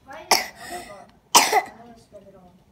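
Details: Child coughing: two short, harsh coughs with quiet breathing in between.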